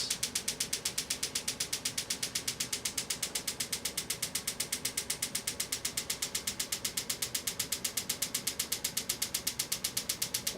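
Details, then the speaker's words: Sharp, evenly spaced clacking pulses (about four per second heard; machine rated eight per second) from an extracorporeal shockwave therapy handpiece treating Achilles tendonitis, after 2,000 of 3,000 pulses. "fortunately the machine does eight pulses per second so it's not going to take us three thousand seconds to the treatment"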